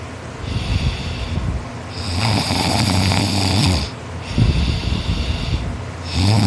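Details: Boy snoring loudly and non-stop while asleep after a tiring day of hard work: harsh, near-continuous snoring with long rasping in-breaths and rougher out-breaths, like sawing wood; heavy snoring.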